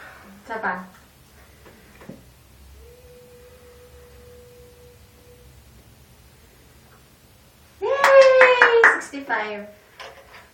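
A steady pure hum sustains for about three seconds between brief sounds and a burst of voice; a struck tuning fork used in hearing testing.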